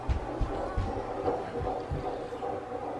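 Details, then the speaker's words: Handheld Doppler at a first midwife appointment around 15 weeks of pregnancy, measuring about 17: rapid whooshing fetal heartbeat found easily at roughly 150 a minute, fast as is normal for a fetus. "wasn't hard to find oh it was right there you say hello to the baby hey it's super fast when it's a baby"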